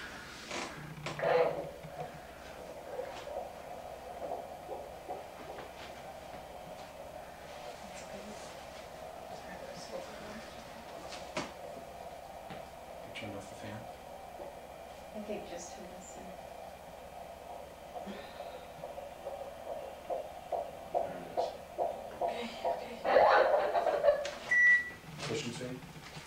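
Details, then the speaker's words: Fetal heartbeat on doppler during labour while the mother relaxes in a bath with a midwife present: a steady whooshing tone with faint rhythmic pulsing. "Wait, could you do that? Could you do that again so we could hear the heartbeat?"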